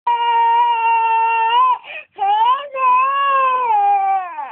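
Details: Child crying so hard it leads to coughing: loud, sustained wailing cries with brief catches of breath between them.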